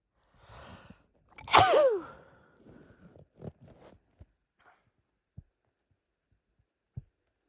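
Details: Hitchy sneeze fit from a female: hitching breaths lead into a loud sneeze, then several short catches and small sneezes trailing off.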